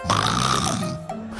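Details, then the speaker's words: An adult man imitates snoring sounds: a version with more chest resonance, a heavily nasal version and a head-resonance version; imitated snoring. "这个就是胸腔共鸣比较多，这是胸腔共鸣。鼻音比较重是这样的，头腔比较重是这样"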